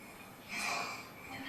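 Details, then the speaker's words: A 4-year-old child with an accidentally inhaled foreign body, missed on chest X-ray and CT and later removed by rigid bronchoscopy, makes a single harsh, high-pitched whistling in-breath; inspiratory stridor. "So we knew there was something wrong. Why would a child present this inspiratory stridor sound?"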